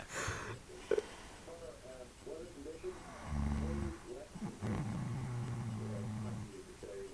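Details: Loud, low, rattling rumbles on breathing in from a sleeping man, two long snores with softer whistling breaths between them; snoring.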